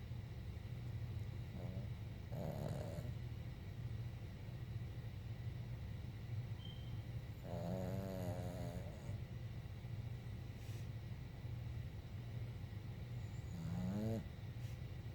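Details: Snoring during sleep: three slow, rattling breath noises spaced several seconds apart over a steady low hum.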